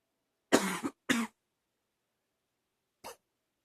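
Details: Person who woke this morning coughing and wheezing, attributed to allergies: two harsh, hoarse cough bursts close together, then a fainter third after a pause; barking cough.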